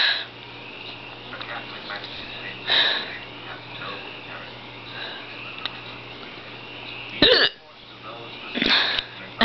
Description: i was practicing my eye makeup for a dead girl and i was also dying my hair and then i got the hiccups.